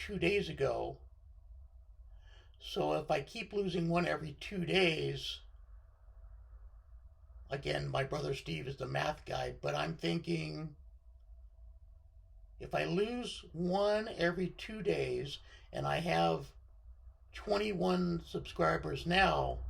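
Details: Unilateral left-sided vocal cord paralysis following surgery in a male speaker, causing dysphonia with limited voice control.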